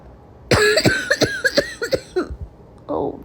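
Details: Storytelling imitation of an 18-year-old girl's very congested cough from a bad chest cold: a rapid run of about eight harsh, congested coughs, then a breath in; acted wet cough.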